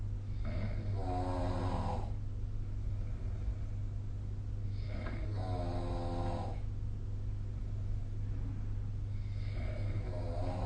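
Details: Three rough, rattling snores on inhaled breaths over a steady low room hum, about one every four to five seconds, recorded with the SnoreLab snoring app; ordinary snoring during sleep.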